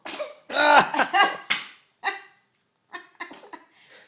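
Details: A baby sneezing: a quick run of small, squeaky sneezes followed by softer snuffles, a normal reflex.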